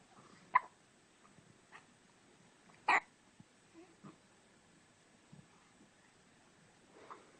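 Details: Hiccups: soft, irregular little hiccup jerks with a few louder sharp ones, about two dozen a minute, in a quiet room.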